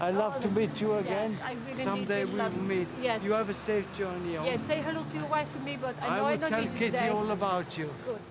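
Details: British patient with symptoms suggestive of foreign accent syndrome, meeting an FAS expert; foreign accent syndrome (suspected)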